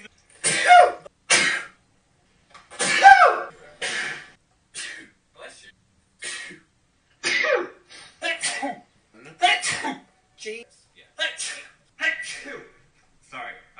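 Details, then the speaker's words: Repeated violent, explosive sneezes with sharp breath-ins between them, mixed with brief talk and laughter; the sneezer jokes about Christmas germs and being allergic. Sneezing. "Bless me. That was violent. Sorry."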